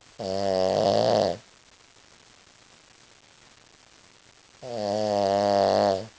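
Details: A female Shih Tzu snoring during a nap: two drawn-out, buzzy, tonal breath sounds separated by a quiet pause.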